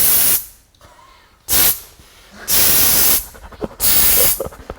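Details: Three bursts of hissing aerosol pain-relief (cooling) spray with quiet gaps, used as first aid for minor foot or ankle injury.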